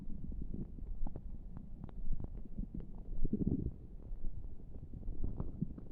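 Low, irregular gurgles and rumbles from the belly, with no pressure applied. These are ordinary spontaneous bowel sounds.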